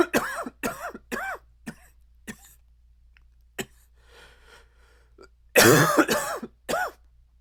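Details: Repeated short, harsh coughs with a hoarse, barking tone in two clusters separated by a brief quiet pause, chest shaking with the cough: dry barking cough.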